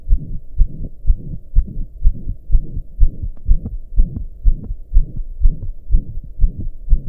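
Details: Own heart recorded lying down, calming after pounding hard for hours: a steady, regular heartbeat with a loud, soft whooshing noise filling the gaps between beats, a heart murmur.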